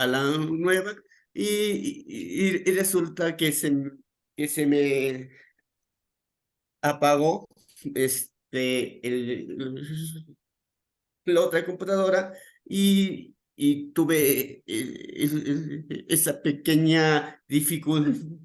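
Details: Real adult male with stuttering that began around age 7 and became more noticeable around age 11, described by him as uncontrolled that day; repetitions in speech; finding: stuttering.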